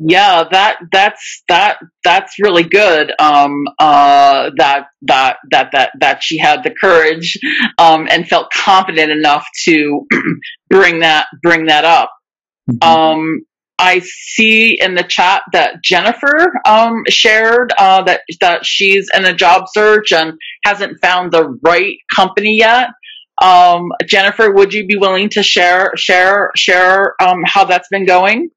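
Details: Real person who stutters, speaking live in a webinar for people who stutter; stuttering.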